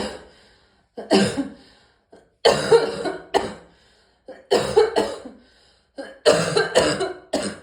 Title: Morning Cough